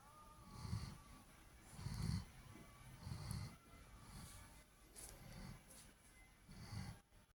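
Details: German Shepherd dog asleep: rhythmic low rumbling snores, about 47 a minute, each breath giving a soft fluttering snore; snoring.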